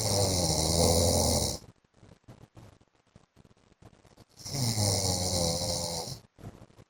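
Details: A wife records her husband snoring in his sleep: two loud, long, rattling snores separated by a few seconds of quieter breathing with small clicks; heavy snoring.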